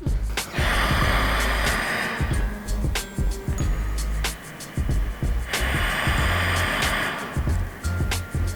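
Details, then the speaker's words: C1–C2 quadriplegic on a ventilator with an uncuffed tracheostomy relaxes tongue, nose and throat so air escapes: rhythmic rushing, hissing airflow with each ventilator breath, about 12 a minute; upper airway air leak around trach, which can lower oxygen saturation if kept up long enough. "how I'm able to talk that's how the air is able to come up around the tra and hit my vocal cords and talk so"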